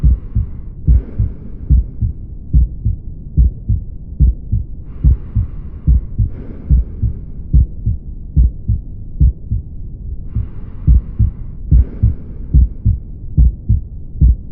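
Regular lub-dub heart sounds at about 72 beats a minute, a normal rhythm on auscultation.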